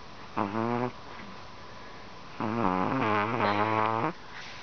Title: Chihuahua Snoring